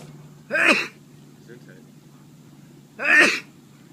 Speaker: Sorry, dude. It's alright. Do you usually sneeze twice? Yeah. Okay. Good to know.